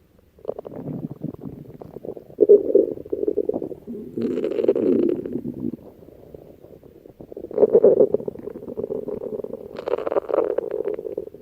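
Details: Person's stomach growling: rolling, gurgling low rumbles with creaky bubbling bursts that rise and fade; borborygmi.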